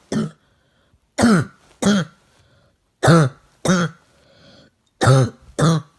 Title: Coughing #1